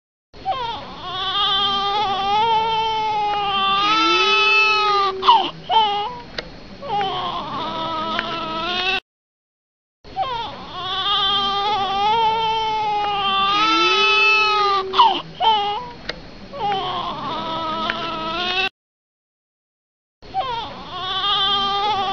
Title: cry baby baby cry sound effect